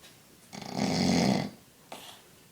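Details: Funny-sounding snoring: one loud, rough, vibrating breath of about a second, then a faint second breath.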